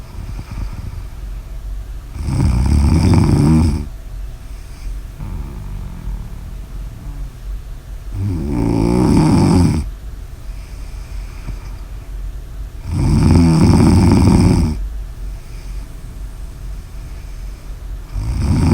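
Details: Loud, rough snores about every five seconds, roughly 12 a minute, with softer breathing noise between; snoring.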